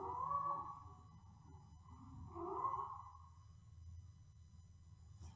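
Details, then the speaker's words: Inspiratory stridor from laryngeal collapse in a pug: harsh, high-pitched whistling noise on breathing. "you get a Strider when the larynx collapses and we do grade the laryngeal collapse in different ways depending on severity oh and it's this noise it's a high-pitched noise"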